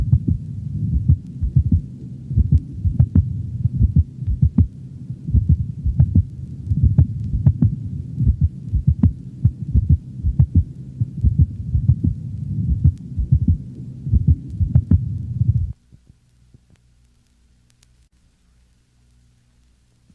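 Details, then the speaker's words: Dog heart auscultation: two normal beats followed by an early premature ventricular contraction, giving a lub-dub-lub-dub-lup rhythm; premature ventricular contraction. "in the next recording two normal beats are followed by a premature ventricular contraction giving the impression of a loved up dubbed up rhythm"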